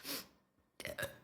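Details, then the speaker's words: Person with stomach bloating and nausea during a bout of fast hiccups: short breathy catch, pause, then a voiced throaty belch bringing up swallowed gas. "完了，完了，我还没打赢。反位反着反着就开始打嗝了。本来一开始那几口是反胃的，然后就开始打嗝了。"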